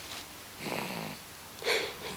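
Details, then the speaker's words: A sleeping little one, species and age not stated, snoring softly: light rasping breath sounds rising and falling with each breath during sleep. "Addie can you hear her snoring D you are my little sleeper too"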